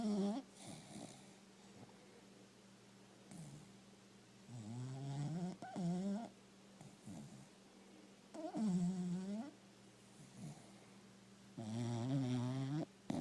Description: Stella the cocker spaniel snores in deep sleep